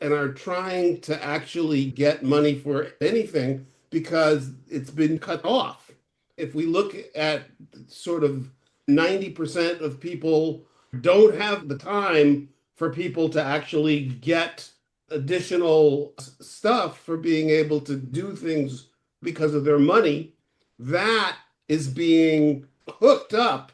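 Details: Adult speaker; aphasia.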